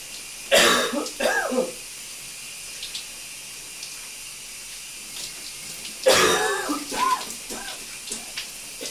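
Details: Two loose, wet coughing bouts over running water in a steamy shower; a productive cough.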